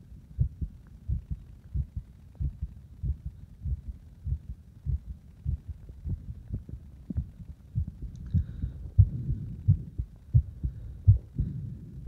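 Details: Heartbeat while deliberately making the heart speed up and slow down: regular, low thumps whose pace shifts during the recording, with some low rumbling noise toward the end.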